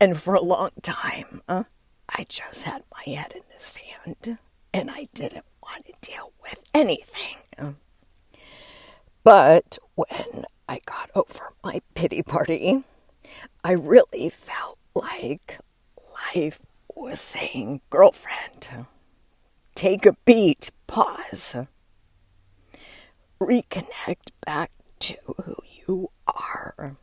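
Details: Adult woman with diagnosed spasmodic dysphonia, onset when her voice started to go and words barely came out while speaking at an event; she links it to stress and says it is still audible as she works through it.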